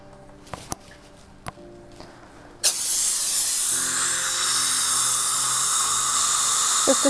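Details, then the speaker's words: A few sharp clicks, then the steady high-pitched whine of a dental drill refining grooves and adjusting the bite of a new composite filling on tooth #14 in a 39-year-old patient, after the rubber dam is removed. "so here i'm going to refine my grooves and adjust occlusion all at the same time"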